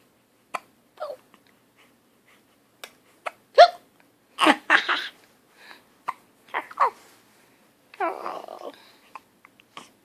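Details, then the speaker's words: Repeated brief, abrupt hiccup sounds at irregular intervals mixed with breathy vocal noises; hiccups that don't seem to bother him. "this is your hiccups oh oh no they don't bother you though do they"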